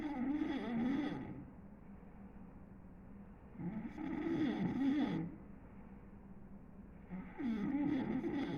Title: ronquidos estremecedores